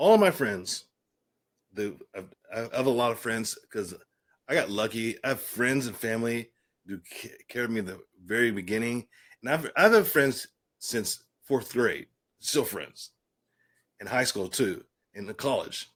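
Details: Adult man with aphasia following a stroke, speaking in conversation.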